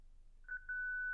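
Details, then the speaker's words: Zenix hospital defibrillator/monitor, pediatric instruction, synchronized cardioversion mode: after energy selection the charge button is pressed; a few short beeps lead into a steady high charging tone before the shock. "Choisissez l'énergie de cardio version souhaitée avec la touche sélection d'énergie. Appuyez ensuite sur le bouton charge."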